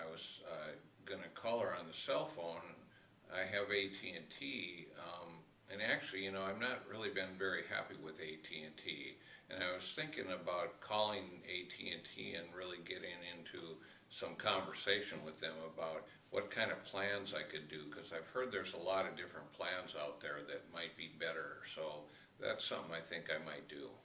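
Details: Acted client demonstrating tangential form of thought, digressing from the central idea and never returning; tangential speech (acted).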